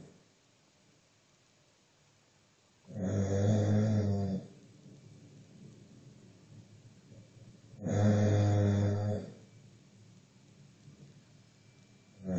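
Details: Man snoring while asleep: two loud, low, rattling snores about five seconds apart with quiet breathing between, roughly 12 a minute.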